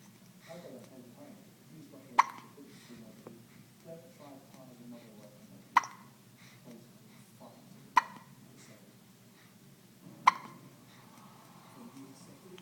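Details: One-week-old baby with hiccups: four sharp, abrupt gulping hiccups a few seconds apart, about 19 a minute, with quiet talk in the background.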